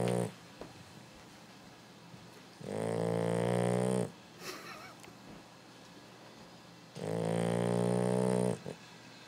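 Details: 13-week-old Boxer puppy asleep, tired after chasing the hose: two long, loud, rumbling inspiratory snores with quiet pauses between; snoring.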